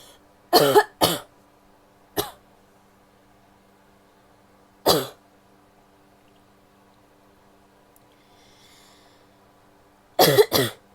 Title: coughing (f)